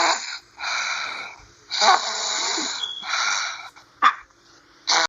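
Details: Repeated hissy, whistling breaths with short gaps and a brief snort; noisy snoring breathing.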